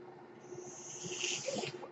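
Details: Mechanical ventilator of a person speaking while on ventilation: a steady airy hiss swells and fades over about a second over a faint constant hum as a breath is delivered.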